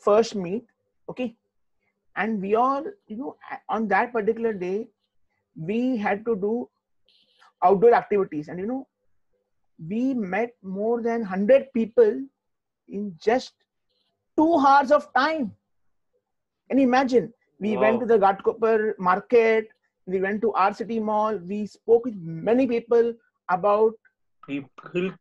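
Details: Adult man, an IT professional who stammers, answering a question in an interview; stuttering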